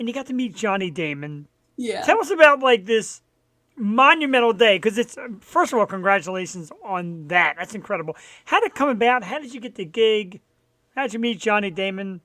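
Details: Adult speaker (host); normal speech.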